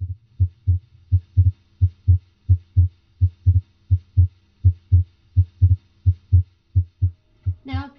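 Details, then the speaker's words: Physiologic splitting of S2 heard with a stethoscope over the pulmonic area (second intercostal space beside the sternum): regular heart sounds near 85 a minute, with S2 splitting into A2 and P2 during inspiration. "try to identify the inspiratory splitting of s2 into its two components its first component a 2 is from left-sided a or tak valve closure if second component p2 comes from right-sided pulmonic valve closure"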